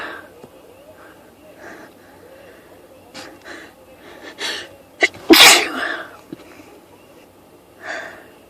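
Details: A sniffly person who had felt the urge to sneeze all day sprays one spritz of perfume and has a sneezing fit: soft sniffs and catching breaths build to one loud, explosive sneeze with smaller bursts between.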